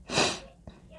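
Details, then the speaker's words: Adult man's sneeze heard in the background: a single sharp, hissing burst of air fading quickly, with a faint click after. "I don't know if you can hear my husband sneezing. I want to say bless you, but also don't want the kids to hear me too much."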